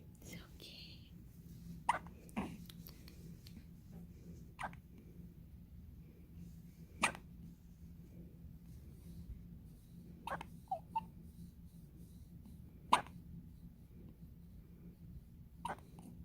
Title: 6 hours old cute Baby Hiccups and first Sneeze